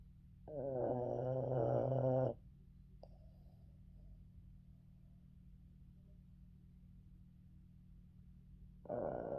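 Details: Boston terrier snoring while sleeping on owner in the afternoon: loud, rattling, buzzy snore of about two seconds, then a quiet pause before the next; noisy sleep breathing in a short-nosed dog.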